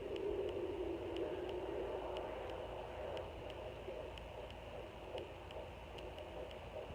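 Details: Fetal heartbeat at 17 weeks 2 days on a home fetal Doppler: rapid, regular whooshing pulses about 150 a minute over hissy background, in the normal range.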